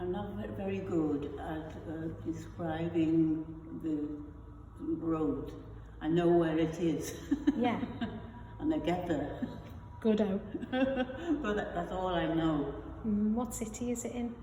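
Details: Adult woman with non-fluent aphasia after a stroke, who also has foreign accent syndrome; non-fluent aphasia.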